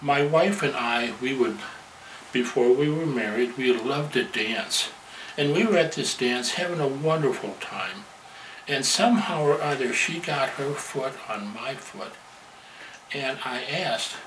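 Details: Adult man speaking; normal speech.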